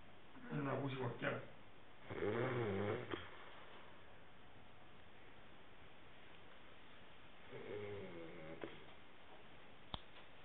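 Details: Soft, faint, irregular snoring breaths from a sleeping pet over a steady hiss, with a few small clicks.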